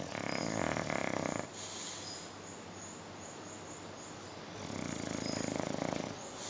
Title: my baby Nio sleeping and snoring